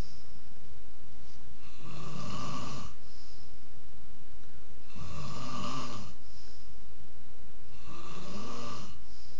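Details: Man who says he doesn't snore: three loud, rough snores about three seconds apart, roughly 20 a minute; regular snoring.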